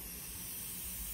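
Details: Bedside nursing demonstration of a nasogastric tube connected to wall suction through a canister: steady airy hiss as suction draws through the tube, confirming it is on suction.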